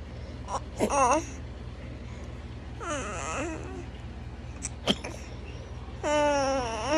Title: Baby Hiccups|| #hiccupingbaby|